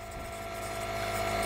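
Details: Home nebulizer compressor running with a steady mechanical motor hum and constant tone, used for a young child (Kai) after uncontrollable coughing following bike riding; history of a lung tear at birth; coughing may be heard in background.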